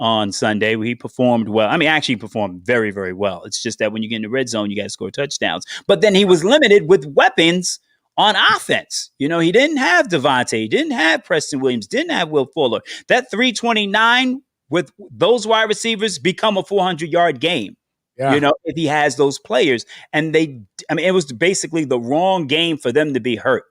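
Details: Adult man speaking; normal voice.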